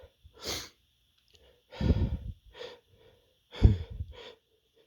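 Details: Big build-up sneezes: rising breaths end in a few forceful sneezes, with a faint steady tone in the background.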